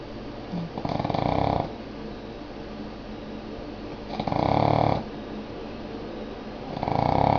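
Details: Snoring from a sleeping Boston Terrier dog.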